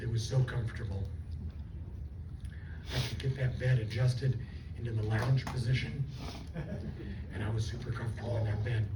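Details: Adult woman, stroke survivor; the stroke impacted her left vocal cord, leaving one working cord; the cords do not seal and she must take breaths while talking; she also lost swallow function (two months on a liquid diet), with left facial paralysis; unilateral vocal fold paralysis dysphonia.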